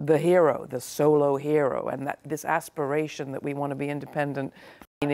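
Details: Adult woman speaking; typical speech.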